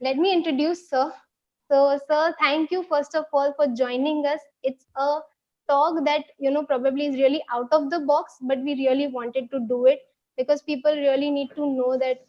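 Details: Adult woman speaking; normal speech.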